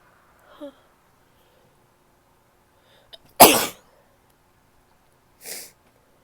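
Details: Female sneezing: one loud, wet, explosive sneeze with a small stifled catch before it and a softer blast after.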